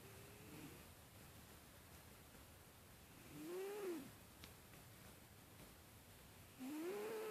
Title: Gingee sleeping & snoring